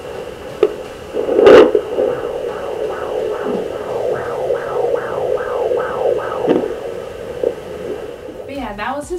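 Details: Fetal heartbeat on Doppler at 22 weeks of pregnancy: rapid, regular whooshing pulses at about 150 beats a minute.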